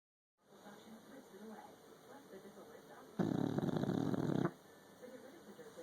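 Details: Soft snuffling breaths, then one loud rattling snore of about a second; snoring.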